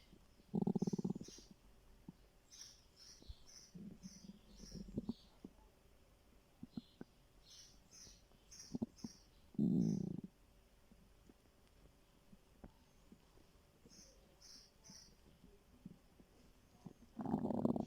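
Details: Stomach growling from hunger in a person who says they were starving: low gurgling rumbles in bursts with quiet gaps, over faint background noise.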